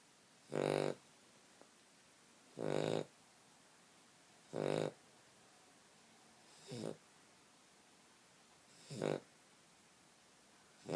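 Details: Snoring during sleep: five loud, rasping snores at steady intervals, about 30 a minute, with quiet room noise between them.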